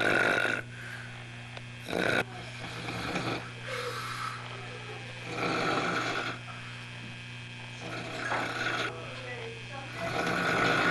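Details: Pig-like snoring, recorded 1 January 1989: four or five loud rattling snores on the breath, with a steady low hum behind.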